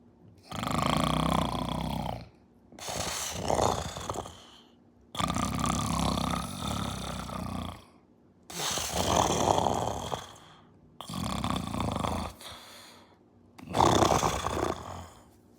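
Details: Simulated snoring, a person pretending to snore for their tuxedo cat: six loud, rough, rattling breaths about two seconds apart, alternating in and out.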